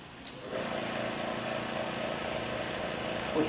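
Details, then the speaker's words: Suction machine switched on from off: a click, then a steady motor hum and whir as it keeps running; normal operating sound. "unit running you want to adjust the vacuum now to hide until it stops you'll see low and high the unit running you want to run it too high until it stopped"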